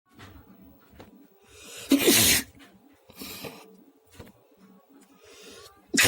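Several sneezes of differing force, one loud and explosive, with quieter breaths and a sharp burst at the end.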